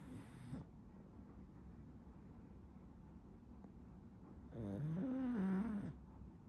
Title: Puppy Snoring for 1 Minute | Poogie the Pug